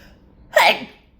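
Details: A single sharp, loud, partly held-back sneeze after a quiet moment, part of a couple of stifled sneezes that turned into a sneezing fit; an ordinary sneeze.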